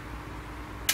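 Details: Accu-Chek Instant blood glucose meter demonstration: a quiet room hum, then a single sharp spring click as the lancing pen fires to prick the finger for a blood sample.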